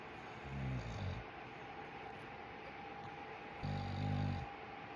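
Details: Two low, rumbling snore sounds over a steady room hum, recorded from right beside the sleeper; snoring.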